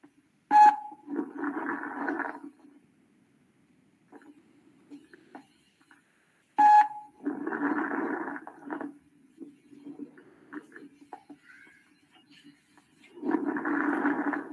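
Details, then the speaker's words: Coarse crackles heard during a respiratory examination class: noisy breathing with low, bubbling crackles through each breath; when moist, suggestive of pneumonia. "crepitantes [Música] finos crepitantes gruesos Generalmente cuando son húmedos penso en neumonía"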